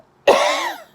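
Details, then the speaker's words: A single short, sharp cough from an adult woman with a sore throat and ongoing cough from a throat tickle, ending in a brief voiced tail. "my throat kind of hurts i keep coughing do i sound weird no no maybe because i'm just used to the cough but sounds weird at first i keep going"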